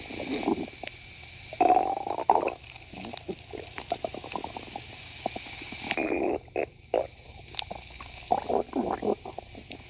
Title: stomach growling